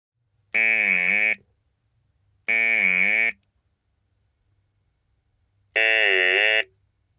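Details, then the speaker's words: Electrolarynx sound source connected in turn to VTM-T20 vocal-tract models (acoustic tubes based on Chiba and Kajiyama vocal tract shapes): three steady, buzzy mechanical tones, each shaped into a different vowel-like sound. "the next sound source is an electro larynx this electro larynx produces a sound when the button is pressed now it will be connected with each one of the"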